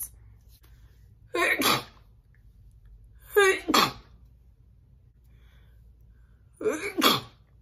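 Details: Three loud, forceful sneezes from a woman, each a sharp intake then an explosive burst, in a quiet room; ordinary sneezing.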